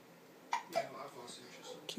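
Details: 21-month-old child with hiccups: two or three brief, abrupt catch-like sounds over quiet room noise.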